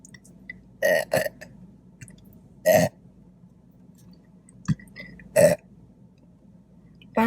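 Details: Four loud, low, throaty burps with gaps in a quiet room, during a mukbang eating show of chicken fingers, fries, toast and Diet Coke; belching.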